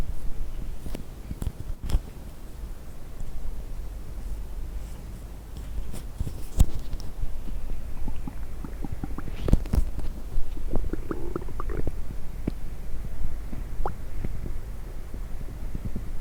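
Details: Stomach noises after drinking coffee and diet coke: low rumbling and gurgling bowel sounds (borborygmi) with scattered clicks and brief higher squeaks over a steady low background.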